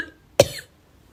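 A single sharp, short cough from a girl in a quiet room.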